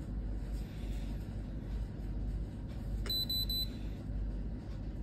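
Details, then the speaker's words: Brief run of high electronic beeps from a home blood pressure monitor over low room rumble, checking a person who complained of dizziness; the reading was 116/65, described as slightly low. "116 और 65 थोड़ा थोड़ा कम है BP"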